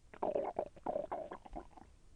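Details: Bowel sounds during digestion; the person felt the intestine move and it was a little painful: a brief gurgling, bubbling rumble from the belly.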